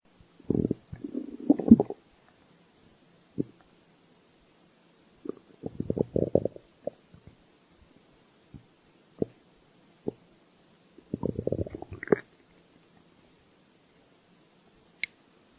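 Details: Bursts of gurgling, rumbling and squeaky bowel noises with quiet gaps and single pops; stomach growling (borborygmi) typical of hunger.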